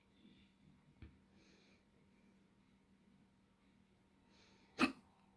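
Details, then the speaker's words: Person hiccupping while counting aloud through a planned series of ten hiccups; quiet room with two brief, abrupt catches in the breath, the second louder and sharper: hiccups. "I have hiccups. 1. I'm going to do 10 hiccups."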